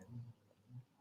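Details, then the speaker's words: Snoring from a very old dog sleeping nearby, said to sound like a little train: two low, rumbling snores in quick succession with a quiet room between them. "if you can hear snoring in the background my very old dog is here beside me snoring he sounds like a little train"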